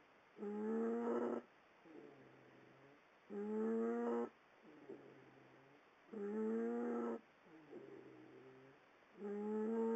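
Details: Snoring while asleep in bed, likened to a baby pterodactyl crying: loud, squeaky, whining snores on each in-breath and quieter rattly out-breaths, about 20 breaths a minute.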